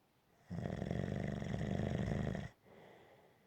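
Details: Gentle snoring: one long, low, rattling snore on the in-breath lasting about two seconds, followed by a quiet breath out.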